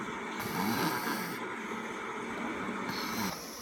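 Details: Snoring recorded before surgery: continuous rough, rattling noisy breathing through a narrowed upper airway, a steady snore.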